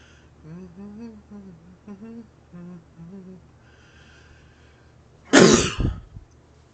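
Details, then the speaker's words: A person makes themself sneeze on purpose by twirling a rolled-up tissue in the nose while humming with the head tilted back: voiced, wavering inhaling build-up, then one sharp, explosive sneeze with a brief trailing burst. "now and there you have it rolled up tissue however it's rotated rotate that same direction in your nose while humming and no one can explain it the head tilted back helps to encourage the final sneeze out"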